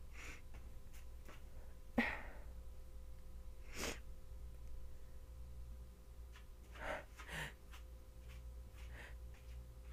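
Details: Sneezing with a sore, scratchy throat at the start of a bad cold, sneezing all evening: a few short, quiet bursts of breath noise over a low room hum, soft sneezes.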